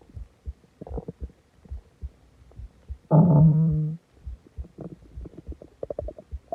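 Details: Stomach growling after eating a lot and drinking a soda: soft low gurgles, then a loud sustained growl lasting about a second; borborygmi.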